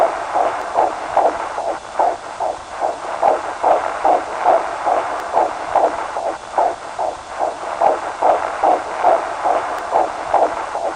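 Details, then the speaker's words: Fetal heartbeat heard during a 4D ultrasound of a 16-year-old mother: rapid, regular whooshing pulses, about 146 a minute. "it was an amazing experience I mean hearing a heartbeat that's inside of you is just beautiful"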